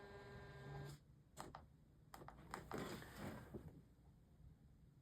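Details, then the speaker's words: Cardiac monitor's weekly operational test: a short tone, then irregular mechanical clicks and rattling bursts as the printer prints alphanumeric characters; a printer test. "And lastly, the printer test prints a bunch of alpha numeric characters to test the status of the printer."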